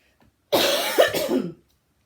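One harsh, wet-sounding cough of about a second with a rough, throaty tail.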